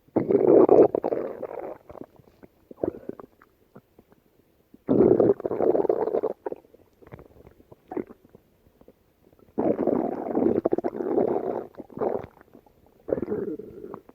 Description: Here's a special stomach growl video just for you!